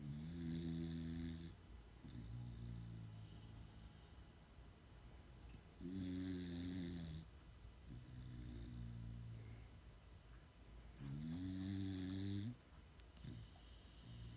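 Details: Two sleeping dogs during an afternoon nap snoring: loud rumbling snores with a buzzing, tonal quality, about 11 a minute; ordinary sleep snoring.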